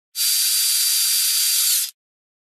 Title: Dentist Drill Sound Effect